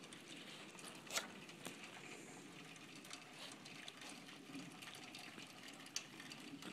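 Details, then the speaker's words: A few tiny, sharp sneezes several seconds apart over a soft steady hiss, from Piper, a female pet rat sneezing repeatedly; owner unsure what's wrong. "You sneezing again? Oh, little girl."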